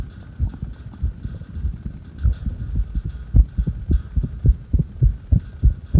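Low thumping heartbeats with uneven spacing and varying strength, over a faint hum: an irregular heartbeat during a breath hold.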